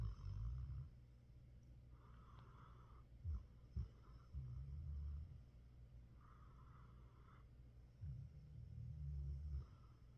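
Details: A dog asleep in his comfy spot on the couch, snoring with low rumbling snores on each breath, about 14 a minute, plus a few soft snorts.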